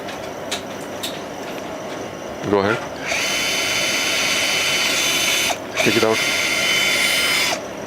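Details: 29-year-old woman after a road traffic accident, having a live multi-ligament knee repair (ACL, PCL, MCL; MCL torn from the tibia): steady high whine of a power drill twice, a few seconds each, drilling a bone hole for a suture anchor, amid speech and operating-room noise.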